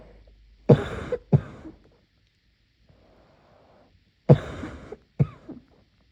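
Two pairs of muffled, harsh coughs separated by a quiet pause, forming a brief coughing fit.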